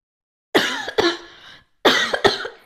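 Two bouts of coughing, each with two sharp bursts, four coughs in all, followed by trailing breath; a plain adult cough.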